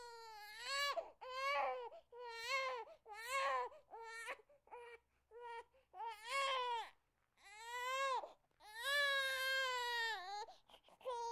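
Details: Infant crying in repeated wailing bursts with short pauses for breath, rising and falling in pitch; sound-effect recording of infant crying.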